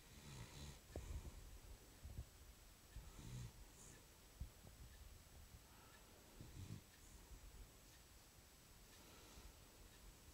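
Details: Sleeping dog falling asleep and snoring loudly: irregular snorting, rattly snores with quieter breathing between them.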